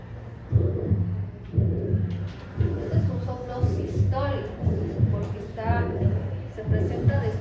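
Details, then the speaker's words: Regular heartbeat about 58 per minute with a low rushing sound after the first heart sound; systolic murmur. "nuestro paciente tenía un soplo aórtico sistólico tres cuat y el otro tenía un soplo pulmonal sistólico 44"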